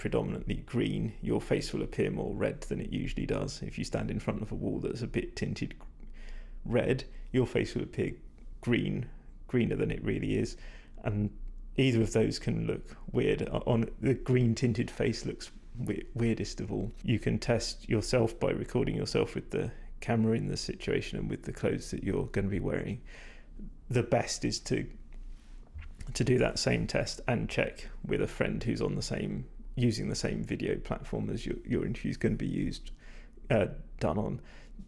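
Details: Vocal fatigue in a male speaker, which he attributes to talking a lot without drinking enough; he says his voice is degraded, stressed and not at its peak condition.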